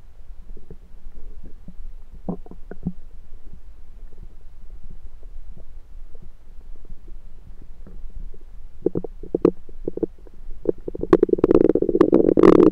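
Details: Own rumbling stomach recorded with a USB stethoscope: irregular gurgles and clicks building to a prolonged loud rumble near the end, active bowel sounds.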